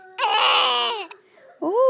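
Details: Close-up recording of a fussy baby girl with hiccups: a loud, sustained wailing cry, a short pause, then another cry starting; infant vocalization.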